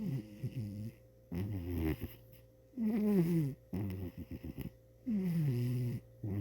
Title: Cheeto The Snoring Cat